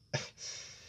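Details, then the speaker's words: Adult podcast speaker who was ill the day before and is slightly recovered: a single short cough burst into the microphone, followed by a brief trailing breath-like noise. "Yes, everyone, no, if you no, hear it's, coughing down the mic, that's just me, because yesterday my body was just eating itself, and now I've slightly recovered."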